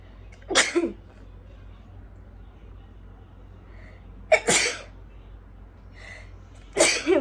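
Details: Repeated sneezing deliberately induced in a sneezing challenge by tickling the nose with a stick and irritant powder: three sharp, explosive sneezes a few seconds apart over low room hum.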